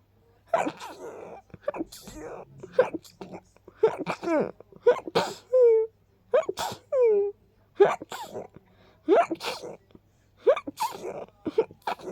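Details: A person with pollen tickling the nose gives a run of small, sharp, oddly funny-sounding sneezes, with soft breathy catches between, about a dozen over twelve seconds; irritant-triggered sneezing.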